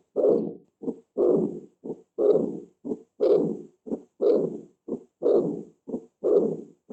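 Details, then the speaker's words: Austin Flint murmur from a teaching recording on pathological heart sounds: a diastolic murmur caused by severe aortic insufficiency, with blood regurgitating back during diastole, named in honour of the doctor who described it. "este soplo de autoinflables se llama así es un soplo histórico por una insuficiencia aórtica se llama así por un honor al doctor qué lo describió lo luego detalló este soplo"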